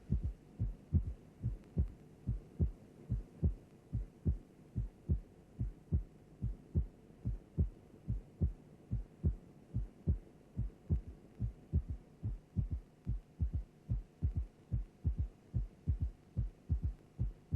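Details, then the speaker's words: Regular heartbeat at about 72 per minute with a soft, low third heart sound (S3 gallop) after the second sound. The S3 is slowly removed and then reintroduced. "Let us now listen to an example of a third heart sound. Now we will slowly remove the third heart sound and then reintroduce it."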